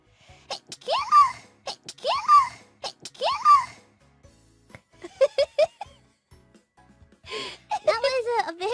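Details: Three quick, high-pitched sneezes in a row from a VTuber, then small squeaky sounds and brief voice with light music: a sneeze.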